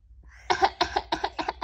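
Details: A 7-month-old baby makes four short, playful cough-like bursts amid laughing, a voluntary pretend cough rather than an illness cough.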